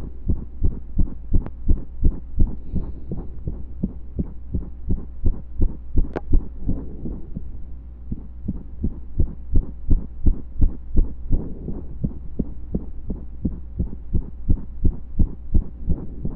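Steady low heart thumps, about 85 beats a minute, with a few brief pauses in the rhythm suggesting skipped beats, over a low hum.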